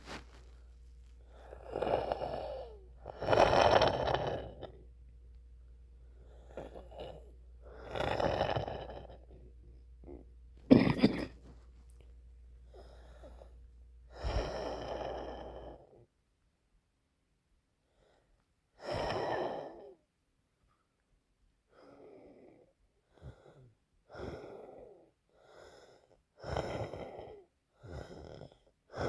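Irregular, noisy breaths with a musical, whistling edge, consistent with wheezing from a narrowed airway.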